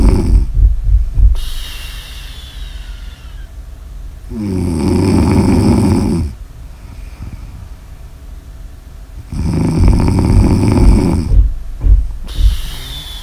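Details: Snoring ASMR audio recording: loud, deep, rattling snores on each in-breath about every five seconds, with quieter breathing out between; heavy snoring.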